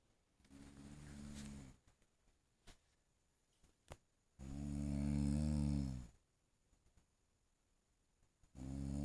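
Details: Person sleeping and snoring: loud, low, rumbling snores on each in-breath, about 1.5 seconds each, separated by quiet pauses; ordinary sleep snoring.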